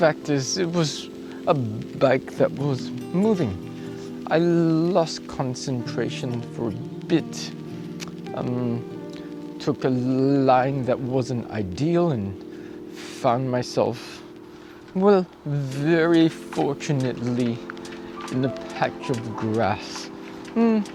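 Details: Acquired apraxia of speech in an adult male cyclist, starting a few days after a 14 December bike crash where he hit his head and blacked out; he reports it is improving.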